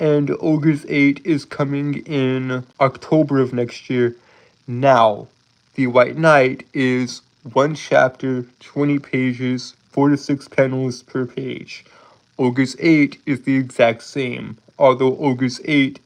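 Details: Lifelong stuttering present since birth in an adult male, self-described as holding syllables rather than repeating sounds; real, not acted; stuttering with prolongations.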